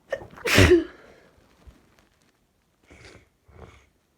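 A single loud explosive sneeze with a short intake before it, followed by two soft breaths or sniffs.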